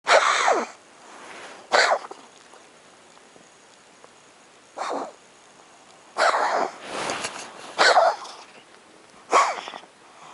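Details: Cat coughing at 3 am: a run of short, harsh, sneeze-like coughing bursts with quiet pauses between them; cough.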